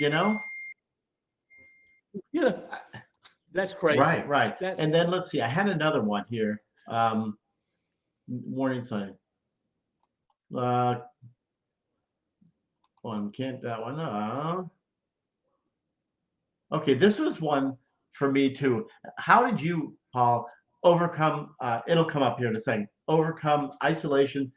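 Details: Aphasia following a stroke, in a stroke survivor about 9.5 years post-stroke, speaking during a live show.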